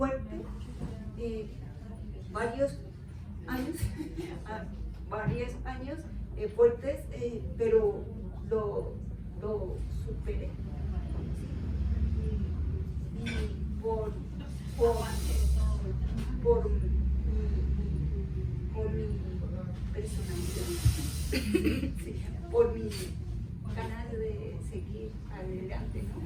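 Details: Adult woman with aphasia after a stroke, describing several hard years; aphasia.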